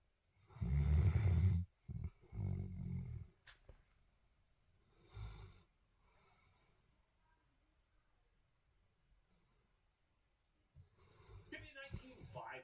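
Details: Dog snoring louder than the TV: loud, low rumbling snores from a sleeping dog, several in a row with quieter breaths between, and faint television sound at the end.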